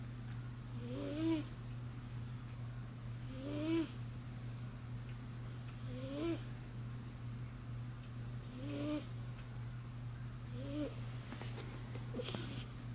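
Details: Snoring in a sleeping cat: soft, rhythmic snores with a rising squeaky whistle on each breath, about 24 a minute, over a steady low hum.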